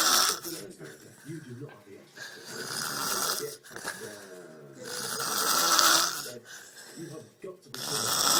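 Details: Snoring: rough, rattling snores on repeated breaths, some with a buzzing tone, separated by brief quiet gaps.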